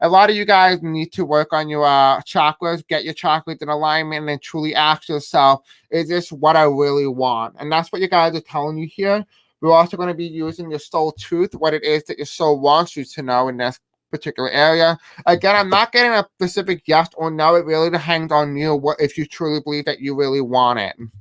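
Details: Deaf speech in a man who says he has a deaf accent and may have a hard time pronouncing certain words.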